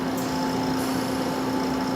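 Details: Steady mechanical hum with a soft hiss from a running CAIRE Companion 5 stationary home oxygen concentrator, rated up to 5 L/min, just powered on with the flow set near 5 liters per minute: oxygen concentrator running.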